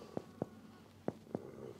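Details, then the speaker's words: Four hollow finger-percussion taps over Traube's space in the left upper abdomen of a male patient. The note is hyperresonant, meaning he hasn't eaten recently and has no enlarged spleen. "hyperresonant in his case which means that he hasn't eaten recently and he doesn't have an enlarged spleen"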